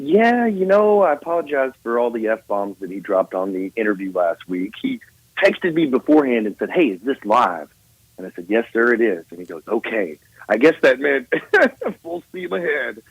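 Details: Adult man; Normal speech.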